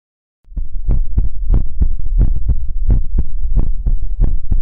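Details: Heartbeat sounds in an ASMR recording: deep, loud, uneven thumps coming quickly, close to the microphone.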